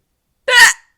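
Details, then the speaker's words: Adult with retrograde cricopharyngeus dysfunction (inability to burp), bloating: single short, loud, croaking involuntary throat gurgle from trapped air, made without trying to suppress it. "Now that's me. Oh, that's me not controlling it. That's me just being like, I don't give a shit. The noise is coming out with it."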